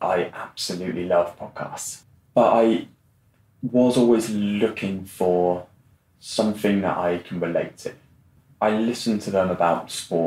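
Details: Adult man who has stammered since growing up; stammering.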